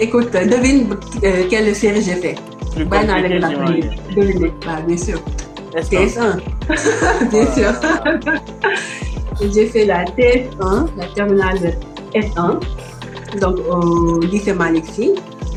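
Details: Adult woman from Senegal now living in France who has a stutter; stuttering.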